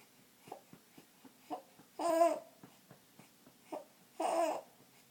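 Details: Infant crying: short fussy cries between soft breaths and small sounds, with two louder wails.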